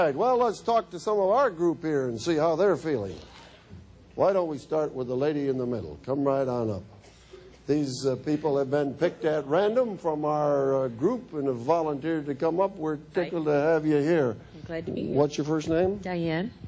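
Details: Adult man speaking to a group, with a brief reply from a woman; ordinary speech.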